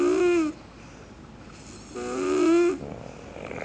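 Loud, tonal, vibrating snores on breathing in, about two seconds apart, with quieter breathing out between: snoring.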